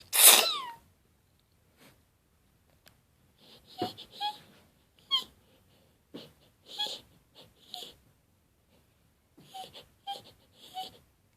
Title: Cold sneeze fit